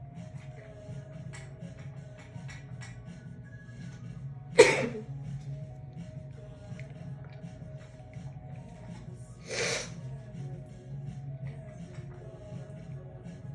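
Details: Sneezing fit after a shower, induced by tickling the nose with a wet strand of hair, muffled in a towel: two muffled sneezes, one sharp and one softer, over background music.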